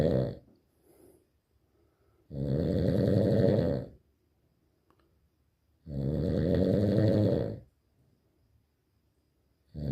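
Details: Loud, rough snores about one and a half seconds long with quiet gaps, roughly 17 breaths a minute; heavy snoring.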